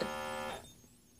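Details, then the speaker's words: BPM-110 automatic upper-arm home blood pressure monitor; brief steady cuff-pump motor hum that cuts off and fades as the cuff re-inflates slightly, possibly because the user moved and talked during the reading, which came out high. "Maybe I was moving a little bit too much because it pumped up a little bit more there."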